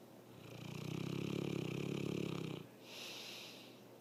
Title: Pompel Snoring